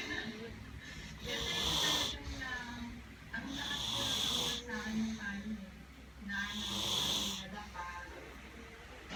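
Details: Baby girl snoring loudly while asleep: repeated noisy, whistling breaths with a rough buzzing edge, about 23 a minute, some voice-like sounds mixed in; infant snoring.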